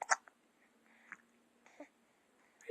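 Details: Young child with frequent hiccups: a few soft, abrupt catches of breath within under three seconds, in a quiet room.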